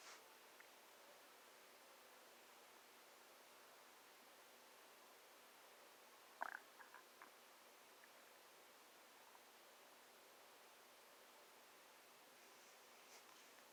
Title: My hungry stomach growling